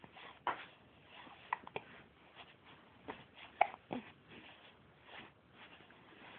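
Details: Hiccups recorded 12 October 2007: short, abrupt gulping catches recurring every second or so in a quiet room.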